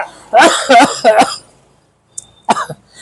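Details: Three quick harsh coughs in a row, then a shorter cough after a pause, acted for a Gujarati comedy sketch about cough medicine.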